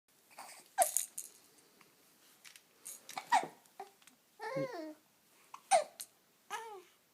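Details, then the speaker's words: An infant having hiccups again, three sharp, abrupt hiccup catches several seconds apart with soft babbling and cooing, seemingly in good spirits about it. "You had the hiccups again, huh? That's unfortunate."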